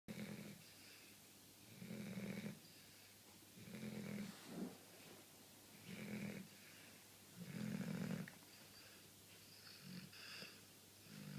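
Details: Dog snoring: repeated low rattling snores about every two seconds, roughly 30 a minute, with a snort in between.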